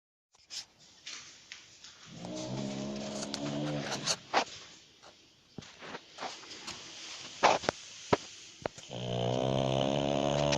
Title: pug snores